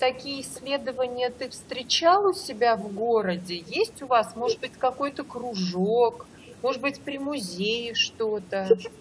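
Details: Adult woman speaking Russian; no speech disorder.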